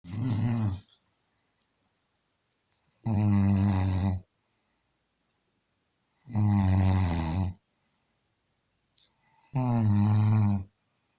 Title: Ronquidos de Gollo(1)